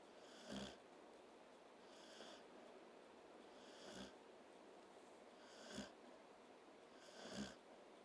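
Soft, slow snoring with a faint whistle, about five snores over eight seconds in a quiet room; ordinary snoring while asleep.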